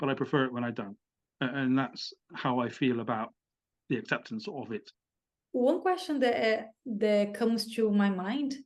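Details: Adult British man who has stammered with blocks and has had some speech therapy; he says the stammer can come in when addressing an audience; stuttering.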